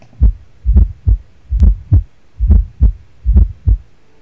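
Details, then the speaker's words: Fourth heart sound gallop from a stiff ventricle with raised pressure resisting atrial filling, in the setting of restrictive cardiomyopathy: regular beats about 70 a minute, soft extra sound before each first sound, 'da-lub-dub' rhythm. "Давление в желудочке повышается, и в результате мы слышим, как бы не вот наш вот этот стандартный лап-дап,"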